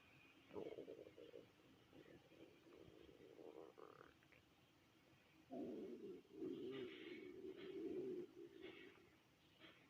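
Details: Stomach of a person who had eaten nothing all day since the previous dinner: low, drawn-out gurgling hunger growls against a quiet room.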